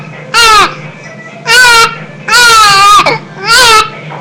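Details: Infant cry from a baby with hiccups: four loud, high-pitched wailing cries with brief pauses between them and a short catch of breath in between.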